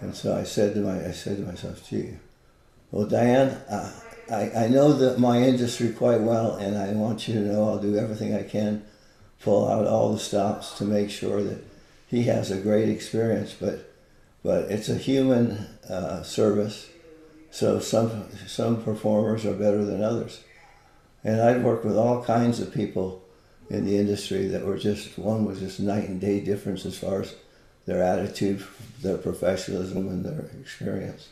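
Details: Man with Parkinson's disease for more than 20 years, with visible shakes and reported moments of 'a stupor of thought'; frequent word and phrase repetitions; Parkinson's disease speech with word and phrase repetitions.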